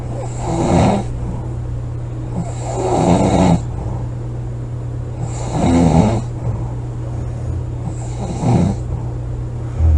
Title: snoring, loud snoring,코골이 July 27 2017